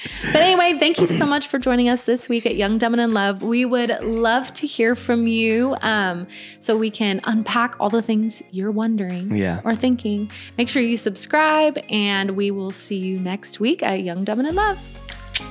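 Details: Adult woman speaking; normal speech.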